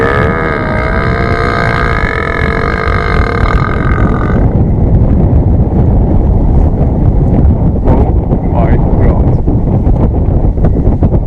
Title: The Burping Cow Whisperer...